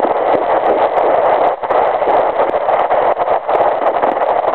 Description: Early pregnancy fetal heartbeat at 9 weeks and 2 days using a fetal doppler. Heartrate is approx. 168bpm :)